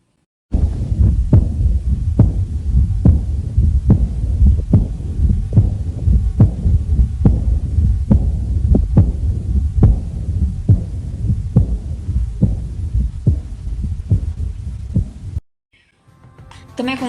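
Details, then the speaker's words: Aortic regurgitation (insuficiência aórtica) heart sound: heartbeat about 70 a minute with a low rumbling murmur between beats; first heart sound typically absent, third heart sound common; aortic regurgitation murmur. "A primeira bulha cardíaca, B1, normalmente está ausente, porque as pressões diastólicas da aorta e do ventrículo esquerdo se equalizam, e uma terceira bulha cardíaca é comum. Aqui temos o som da insuficiência aórtica."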